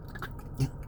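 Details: 45-year-old man with Tourette syndrome since age 12–14, demonstrating a throat-involving tic with spasms, worse when alone and not talking; vocal tic (Tourette syndrome).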